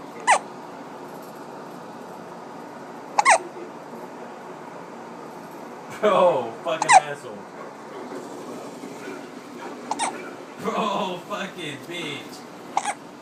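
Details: Infant with hiccups while father plays a video game: brief, sharp catching sounds every few seconds, about six in 13 seconds, over game noise and room hum.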